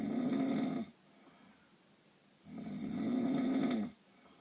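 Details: Snoring during a painful night's sleep: two long, rasping, noisy sounds with quiet gaps between them, a snore on each breath.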